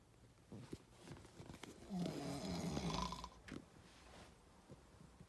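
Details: A single rough, rattling snore from a sleeping man outdoors during a deer hunt, with outdoor background noise; ordinary snoring.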